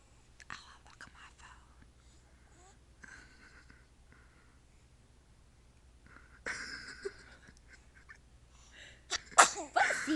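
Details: Little baby girl looking surprised at everything: quiet room with soft whispering, then a few small, sharp infant sneezes near the end.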